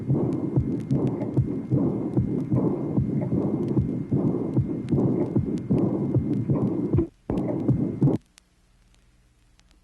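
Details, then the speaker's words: Teaching heart recording from 1967, tracing 21: aortic insufficiency (regurgitation), heart rate near 75/min, early blowing diastolic murmur beginning with a loud tambour-like second sound. "tracing number 21 aortic insufficiency early blowing diastolic murmur in addition tombor-like second sound marking the beginning of the murmur"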